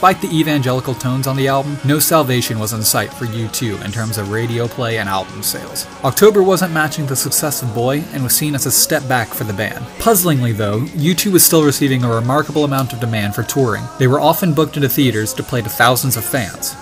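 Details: Adult male narrator; normal voice.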